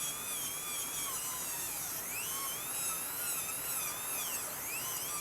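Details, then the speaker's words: High-speed dental drill whining steadily with air spray, pitch dipping as the bur cuts tooth, while the bur is held upright to form the chamfer finish line on the palatal concavity during an anatomical fiber-glass post preparation, filmed in a class. "Então, deixa eu tentar angular para vocês verem a fresa aqui bem em pé novamente. Nós vamos lá na concavid lá na face palatina."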